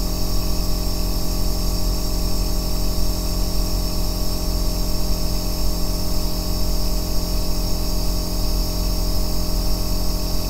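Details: Aerosol nebulizer running continuously, recorded as an ASMR white-noise track for sleep and relaxation: a steady deep humming drone with a constant hiss.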